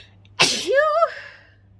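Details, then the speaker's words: A single sharp, explosive sneeze with a short voiced trailing sound in a quiet room, from a woman deliberately provoked with chhinkni powder under her nose. "excuse me to everybody who says bless you every time thank you so much um i love it when people bless you when you sneeze"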